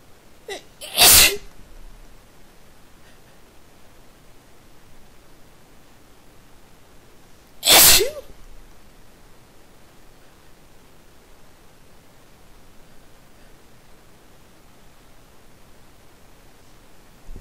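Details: Two loud, sharp sneezes about six seconds apart in a quiet room, the last of a run of pepper-triggered sneezes; sneezing.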